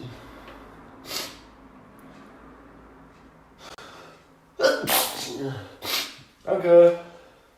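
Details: End of a sneezing fit of about 25-30 sneezes: several sharp, explosive, messy sneezes in quick succession, then a sniff and a short voiced sound.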